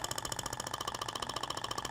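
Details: THORK radial shock wave (ESWT) applicator held at 90° on tissue, started by button for a 2000-shot pass moved zigzag: rapid, regular mechanical tapping bursts about 15 a second, like a small jackhammer.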